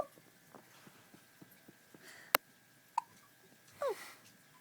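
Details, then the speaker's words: Baby boy's very first hiccups: soft, sharp, regularly repeating little hiccup sounds in a quiet room, with a few louder clicks and a brief squeak. "Is that the hiccups? It's the hiccups for the first time. Your very first hiccups."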